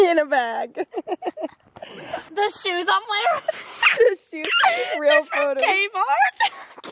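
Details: Adult speaker, high-pitched voice; normal voice.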